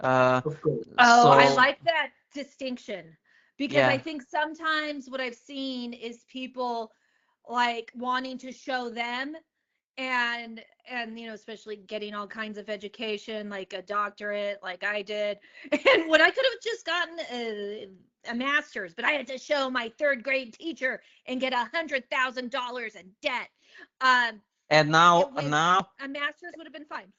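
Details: Stuttering in an adult woman comedian who began stuttering at age eight and is open about her stutter.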